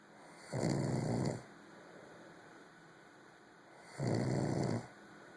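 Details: Two low, rumbling snores about three and a half seconds apart over a faint steady hum; snoring during sleep.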